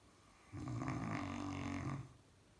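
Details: A male Caucasian Shepherd dog gives a single long, low, rattling snore lasting about 1.5 seconds, rising from quiet room noise and fading out; dog snoring.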